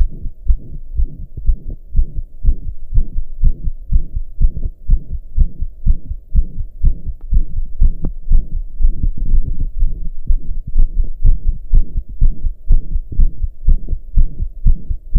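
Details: Self-recorded heartbeat while lying down, after hours of pounding hard: deep, slow-seeming whooshing beat about 120 a minute with a loud murmur blurring the beats; heart murmur.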